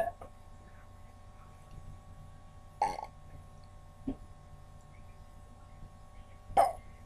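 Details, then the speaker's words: Girl burping after drinking a whole cup of Coke for a burping challenge: three loud belches over about seven seconds against a steady background hum. "The challenge is you gotta drink a whole cup full of Coke and do your burp. That's what I'm doing. Ooh! That one didn't sound pretty."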